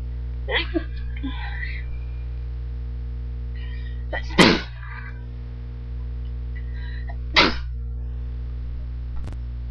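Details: Violent sneezes, half stifled, wet and strong at the end: several forceful sneezes, each with a quick indrawn breath before the burst, over steady room hum.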